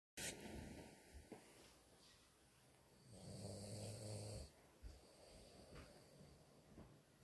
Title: MY SNORING DOG, I WOKE HIM UP THOUGH